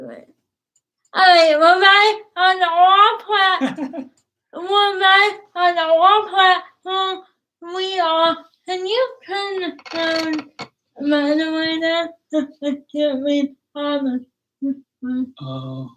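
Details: Dysarthria in a woman about to turn 20 with cerebral palsy; her speech is difficult to understand, and her father notes trouble with plosive sounds such as p and b.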